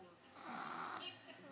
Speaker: he fell asleep on Daddy this is what he sounds like every day he just snores really loud